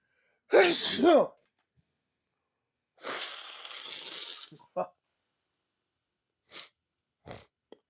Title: Big Sneeze and Nose Sniffing Part 3